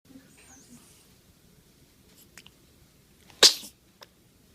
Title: newborn baby sneeze